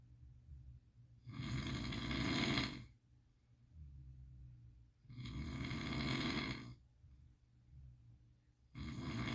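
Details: Sleeping pit dog snoring with rough, regular breaths about every four seconds, roughly 15 a minute, with softer breaths between; dog snoring while sleeping soundly, possibly dreaming.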